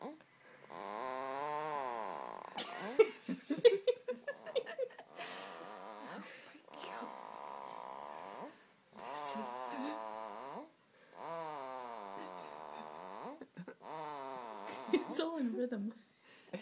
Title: Snoring baby!